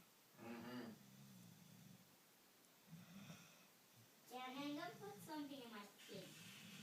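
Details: Snoring in a quiet room: low, buzzing rumbles on the breaths alternating with brief higher groaning or whining vocal sounds.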